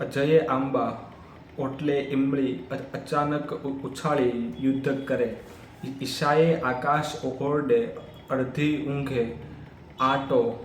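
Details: Adult man's own speech in Hindi, self-reported stammering, filmed on day 1 of a daily speech practice routine (tongue, lip and breathing exercises); stuttering.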